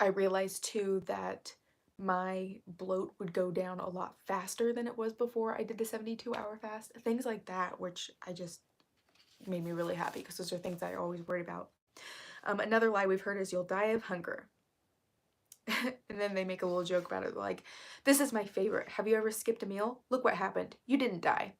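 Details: Woman who reports currently having really bad vocal fry, which she attributes to speaking quietly on purpose; vocal fry.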